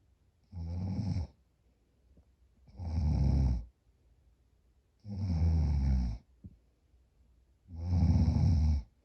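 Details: Loud, low rattling snores, about 24 per minute with quiet gaps between, during a short nap when more tired than usual; snoring, with sleep apnea claimed.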